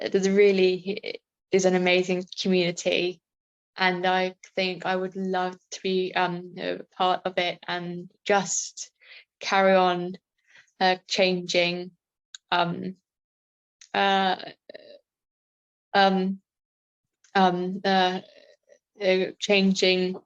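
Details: Adult woman with a self-reported stammer present since about age five, speaking in real life; stammering.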